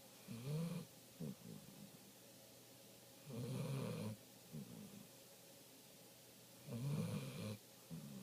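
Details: Sleeping golden retriever snoring: slow, deep, rumbling snores with each breath, about 18 a minute, with softer snuffles between.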